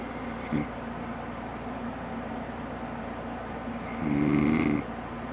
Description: A man snores, loudly....